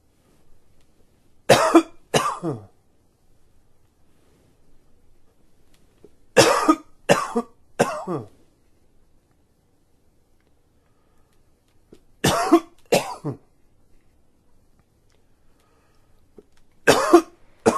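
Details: Four bouts of two or three harsh coughs each, separated by quiet pauses, about eleven coughs in total.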